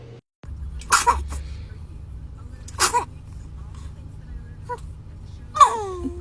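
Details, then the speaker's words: Two quick, breathy sneezes followed by a small high vocal sound over steady background hum; ordinary infant sneezing in a home clip. "Oh, goodness. Were you about to sneeze?"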